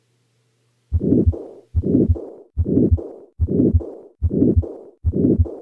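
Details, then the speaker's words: 75-year-old woman with dyspnea and exertional chest pain, at the right upper sternal border: combined aortic stenosis and regurgitation, murmur in both systole and diastole, louder systolic part, regular rate near 73/min. "the murmur sounds present in both systole and diastole that is a continuous murmur"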